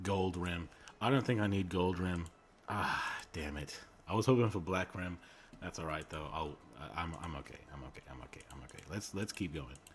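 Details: Male streamer who self-reports a speech impediment and stuttering; word repetitions heard; stuttering.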